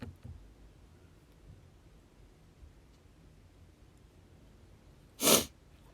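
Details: Single sharp, airy sneeze after quiet room sound from a young Japanese woman with a runny, itchy nose; she suspects pollen.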